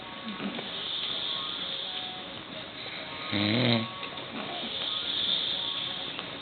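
One loud, fluttering snore stands out over a noisy background with faint music. Ordinary snoring.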